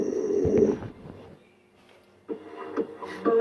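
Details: Dog sleeping during the daytime indoors; two rough rumbling snore bursts with a quiet pause between them, snoring.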